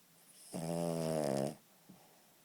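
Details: Daisy, a female King Charles Spaniel, snoring: one drawn-out, buzzing, fluttering snore about a second long followed by a faint snort; owner says she snores like a drunken sailor.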